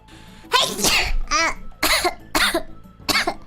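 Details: Streamer sneezing during a live stream: several short, sharp bursts in quick succession, about four or five in three seconds, a series of small sneezes.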